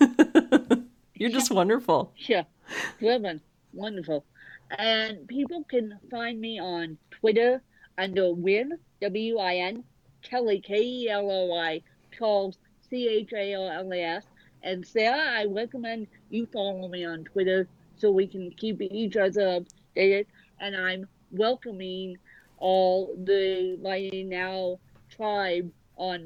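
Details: Adult woman with cerebral palsy since birth affecting both sides of her body; speech largely unintelligible to automatic transcription; dysarthria (cerebral palsy).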